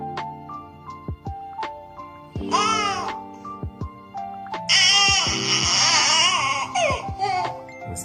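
An infant gives two drawn-out, whiny wailing bursts over background music, with short gaps between them; a tired baby's cry.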